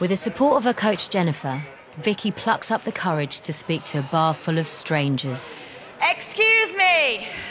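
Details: Adult female narrator, then a second adult voice; normal speech.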